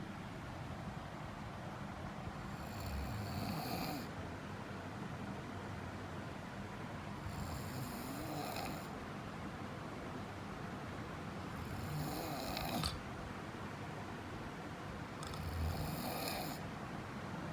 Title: Snoring 7